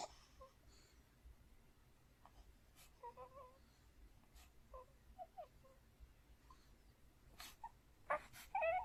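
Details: 4-month-old baby boy asleep, twitching with a face as if about to cry: faint whimpers and soft breathy fussing with brief louder sounds near the end; ordinary sleep noises without waking.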